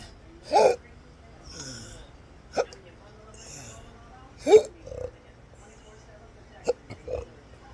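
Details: Several short, low belches spaced through quiet room noise, alongside hiccups, in a person described as having a disabling rare medical condition; burping.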